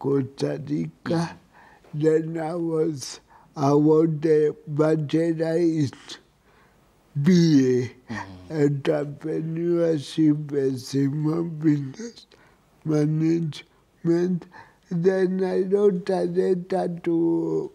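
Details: Dysarthria in an adult with cerebral palsy.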